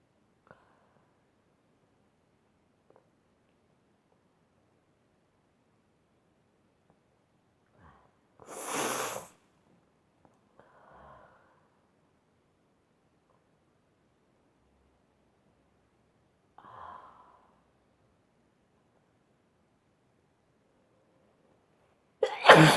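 A single loud, moist sneeze from a small animal, with a few quieter snuffles before and after.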